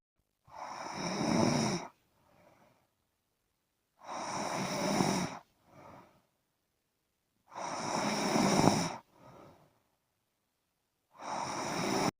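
Loud rattling snores on each breath in, with softer breaths out, about 17 breaths a minute.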